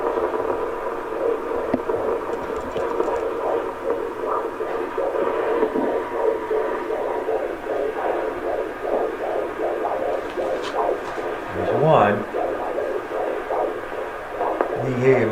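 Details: Rapid, regular whooshing pulses of a fetal heartbeat, roughly 150 beats a minute, picked up by Doppler at a doctor's office during the mother's pregnancy.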